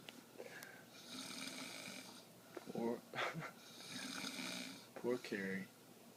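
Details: Snoring in a quiet room: quiet, buzzing snores with audible breathing in and out, and short snorting, throaty bursts between them.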